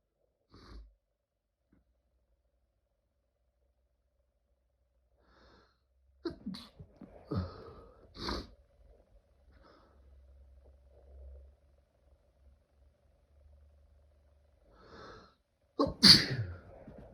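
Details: Intense allergic sneezing fit: several sharp, explosive sneezes in bursts separated by quiet stretches, with soft breaths between.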